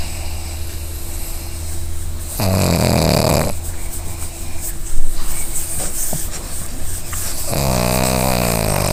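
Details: Pug snoring while dreaming: loud, rough snoring with snorts and a fluttering snore between quieter stretches; low room hum behind.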